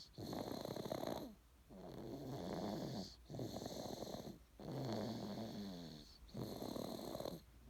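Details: Steady, rhythmic rattling snores with each breath from Sophia, a sleeping animal, likely a dog; snoring.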